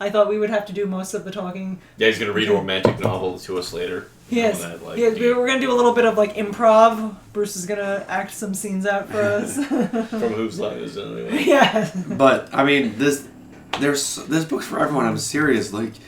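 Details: Adult woman speaking, with brief replies from another adult; normal voice.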